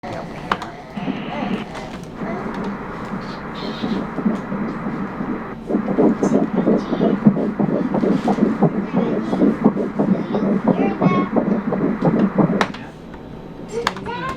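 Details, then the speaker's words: Fetal heartbeat on ultrasound, measured at 176 beats a minute: rapid whooshing pulses at about 170-176 per minute over room noise. "so you guys may actually hear the heartbeat the heartbeat was actually at 176"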